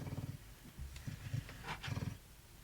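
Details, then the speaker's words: A sleeping dog, head resting on its owner's foot, makes low rumbling, growly breaths with short snorts, as if chasing something in its sleep; snoring mixed with soft dream growls. "Is the dog snoring? Yeah. Yeah, I totally heard that. He's like he's chasing something in his sleep and growling at it and like snorting."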